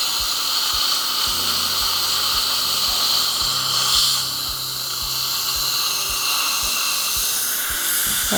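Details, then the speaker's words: Polishing flowable composite fillings on teeth #14 and #15 of a 52-year-old patient: steady high-pitched hiss of a dental handpiece, with soft low background thuds. "now it's time to polish just use your favorite polishing system and you will find that you get a beautiful gloss on this restoration"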